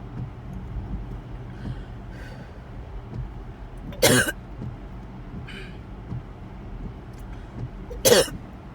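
Two sharp, harsh coughs about four seconds apart over steady car road noise: repeated coughing.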